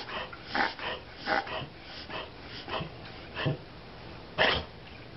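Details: Dog reverse sneezing (pharyngeal gag reflex): repeated rapid snorting inhalations in short bursts.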